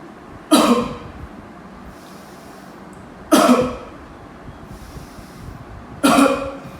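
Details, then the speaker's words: Demonstration of the active cycle of breathing technique on a male patient to clear airway sputum: three forceful, evenly spaced open-mouth huff coughs after deep breaths, done three times; the patient was no longer breathless afterwards. "Caranya tarik nafas dengan cepat seperti memaksa udara masuk dengan cepat ke paru-paru. Selanjutnya keluarkan melalui mulut dengan bentuk kabut seolah-olah berada di depan cermin."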